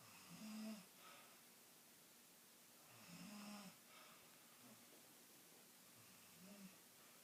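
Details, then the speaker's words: Person asleep giving low, rumbling snores with a buzzing, nasal edge, about three in seven seconds, with quiet breathing between them in a small room: snoring. "do you really snore like that?"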